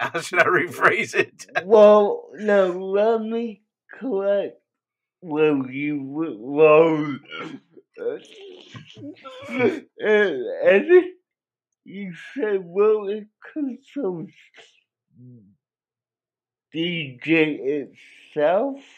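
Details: Dysarthric speech in an adult male with cerebral palsy, which he believes was caused by a drug overdose; the condition affected his voice, and he cannot walk and has muscle spasms.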